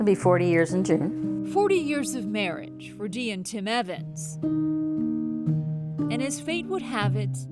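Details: Adult female news narrator; plain speech.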